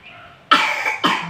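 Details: Child who is ill with a cough and cold: two loud, harsh cough bursts.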